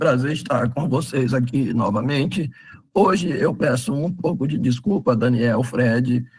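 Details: Man with spasmodic dysphonia treated with toxin injections; the toxin is wearing off, and he says his voice is worse than last time because signs return after 3–4 months, with the next injection due in early July; spasmodic dysphonia.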